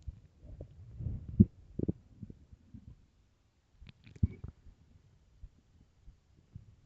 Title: starving stomach growling and rumbling part 1